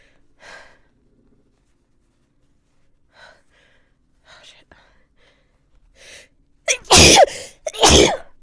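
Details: Quiet gasping breaths build up to two very loud, explosive sneezes in quick succession from a woman.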